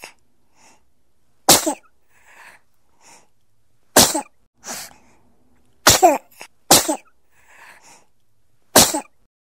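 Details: Baby sneezing, sound-effect recording: five short, sharp sneezes with soft breaths and quiet sounds between them.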